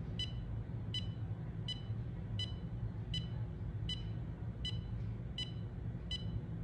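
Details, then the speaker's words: Adult's 30-second self-test with a standalone handheld EKG monitor, held against the chest near the heart or on the fingers: steady short electronic beeps about 85 a minute over low room hum; ECG monitor beeping. "the test lasts 30 seconds so you'll hear a beep and once it stops beeping that's when it gives you your result"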